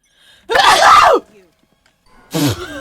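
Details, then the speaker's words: Sneeze during a Valorant gaming voice chat; one loud, explosive sneeze with a forceful burst of air, followed after a pause by a short voiced exclamation. "Your sneeze messed it up. I'm sorry."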